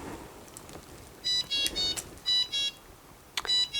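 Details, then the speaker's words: Syringe driver alarm in a nursing-home syringe driver training demo: repeated high-pitched beeping bursts with a flashing red light, meaning the medication is not being delivered; the screen reads "syringe displaced", possibly after the pump was dropped. "if you hear that noise you will see that the red light is flashing that's telling me that that medication is not being delivered it will tell you on the front of the screen what the problem is so here it says syringe displaced"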